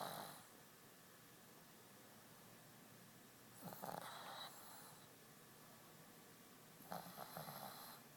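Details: Snoring while asleep in an e-collar, worn for a couple of weeks after recent cataract surgery: two soft, brief snorting snore sounds separated by quiet room noise.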